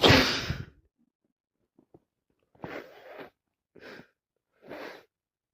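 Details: Person with a cold: one loud, sharp sneeze, then quieter breathy nose blows and sniffs; sneezing with a cold.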